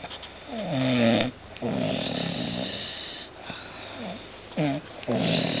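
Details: Snoring on the couch: loud rattling snores on each breath, some with a whistling or whining edge, in a quiet room.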